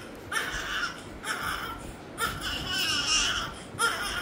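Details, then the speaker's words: Newborn aged 24 hours at first check-up, head circumference 35 cm, pink hands and feet; four strong rhythmic cry bursts, a vigorous normal newborn cry, a good sign of wellbeing. "আর বাচ্চা কান্না করছে, এটা খুবই ভালো লক্ষণ। কান্না না করলে আমি ইচ্ছে করে কান্না করাইতাম।"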